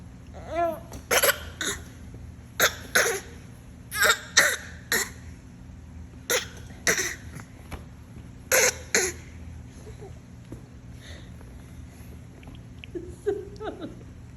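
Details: Infant makes short, breathy cough-like bursts in playful pairs: a deliberate pretend imitation cough, not a true cough.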